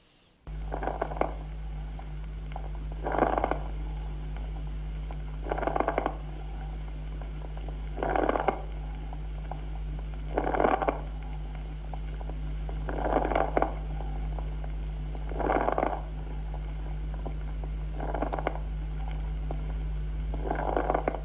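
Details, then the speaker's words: Fine-bubble rales with soft tubular (bronchial) breathing, then medium and coarse bubbling rales with tubular breathing, then medium and coarse rales with pleural breath sound and heart sounds; consonant (cavernous) rales. "a oír primero estertores de burbuja fina acompañados de soplo tubario suave a continuación estertores de burbuja mediana y gruesa también con soplo tubario y por fin estertores de burbuja mediana y gruesa soplo pleural y ruidos cardíacos son consonantes"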